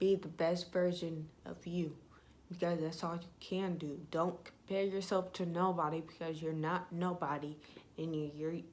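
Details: Young woman with self-reported ataxia type 46, with symptoms beginning in high school, who says her voice trembles whenever she talks; voice tremor (ataxia).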